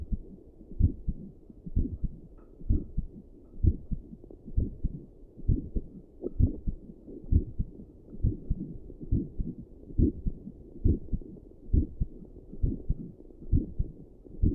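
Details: Adult's own heartbeat recorded by doppler plus stethoscope while sitting at a desk at rest, with visible neck pulse: muffled, regular whooshing heartbeat at about 66 beats a minute.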